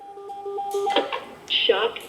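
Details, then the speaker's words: AED training demonstration of cardiac arrest care: steady defibrillator alarm tones after shock advised and everyone cleared, then machine voice announcing the shock delivered, with brief instructor speech. "to determine whether or not a shock is advised if the shock is advised the machine will start to alarm and you'll see a red flashing light before you press the red flashing light to shock the patient make sure everybody is clear because they too can get shocked if you don't clear them beforehand"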